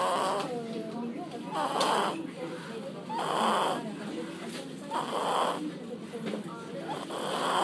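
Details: Very tired baby snoring, with loud, rattling snores on each breath, roughly 30 a minute, and a snorting rasp on intake; snoring.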